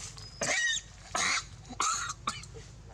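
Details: Four short, harsh, hoarse coughs in quick succession from a young monkey after eating; repeated coughing.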